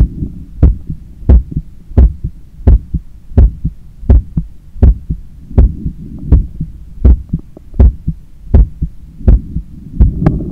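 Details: Own heart recorded by stethoscope while lying on a daybed, leaning on the left side, controlling breathing after a 10 km run: strong, forceful regular lub-dub beats at about 82/min over low hum; normal heart sounds after exercise.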